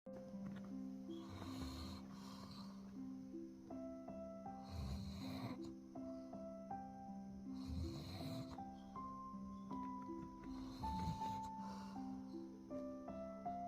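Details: Sleeping Doberman snoring: soft snuffling snores about every three seconds, roughly 20 per minute, under loud background music.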